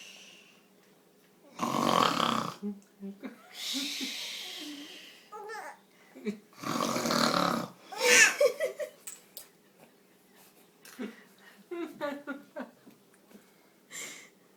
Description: Baby startled by snoring sound